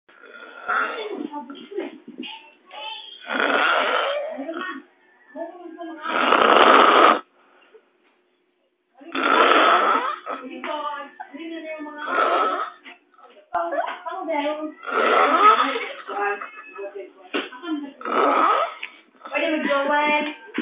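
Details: Hungover man asleep: loud, rough snores about 20 times a minute, each a rattling breath with quiet gaps between; snoring.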